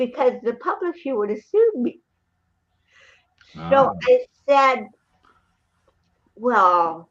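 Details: Real interview speech of an adult woman, an actress and comedian, with cerebral palsy since birth (born 1956); dysarthria (cerebral palsy).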